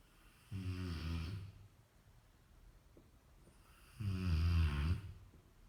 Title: Rottweiler schnarcht/is snoring